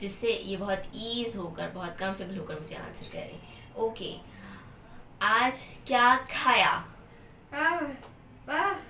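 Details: Adult woman, therapist; typical adult speech.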